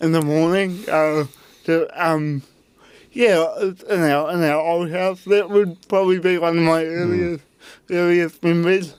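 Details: Adult man with cerebral palsy; his parents were told at birth he would never walk or talk; intensive therapy from birth to age six for walking and talking; used a walking frame at school; dysarthria (cerebral palsy).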